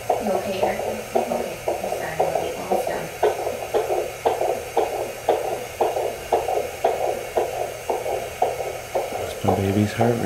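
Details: Fetal heartbeat on Doppler during home labour after spontaneous rupture of membranes: rapid, regular whooshing pulses about 115 a minute with room noise.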